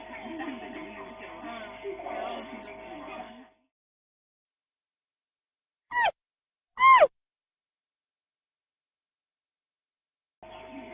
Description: cute panda is sneezing !!! Panda Qing He's sneezing.